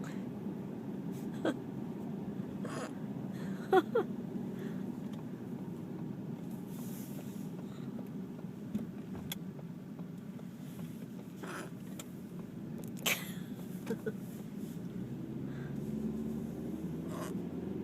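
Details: Hiccups in a person riding home by car after wisdom tooth removal: brief, sharp catching sounds every few seconds over steady road noise.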